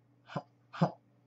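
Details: Vocal tic in an adult with Tourette syndrome, who also has eye-twitch, head-jerk and nose-scrunching motor tics; he says the tic happens a lot when he is stressed.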